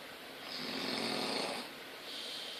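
A single rough, fluttering breath of about a second, then a softer follow-on breath. Snoring.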